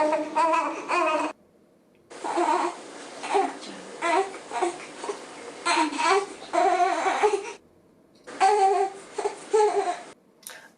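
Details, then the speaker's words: Infant 'eh' cry meaning the baby needs to burp, heard as short, fussy cry bursts with an 'eh'-like sound; an example of the Dunstan baby language burp cry. "ensuite on a le j'ai besoin de faire un rond ça va être plus est est quelque chose comme ça pareil je vous l'écris et je vous laisse écouter"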